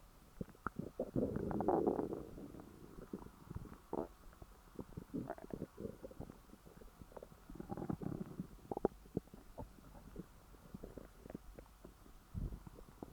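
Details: Stomach growling after overeating: gurgling, bubbling rumbles with clicks and squelches from the belly, active bowel sounds after a large meal.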